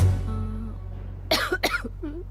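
After a brief musical note, an adult gives two harsh, acted coughs, then a short voiced sound: an acted cough.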